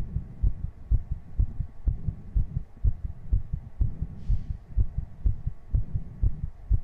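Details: Heartbeat on a 3Dio binaural mic right after doing 60 jumping jacks, with heavy breathing: rapid heartbeat after exercise.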